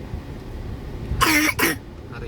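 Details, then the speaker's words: Child with cough and fever lasting 5 days without improvement, before a hospital check-up: two quick, harsh coughs, the second shorter, over low traffic and room noise. "batuknya dan panasnya sudah 5 hari tidak kunjung sembuh."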